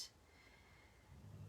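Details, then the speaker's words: Dog sound asleep under a table snoring: a brief hiss, quiet, then a low, rough rumble building toward the end. "if you hear that noise in the background that is pete um snoring under my table hear that he's sound asleep"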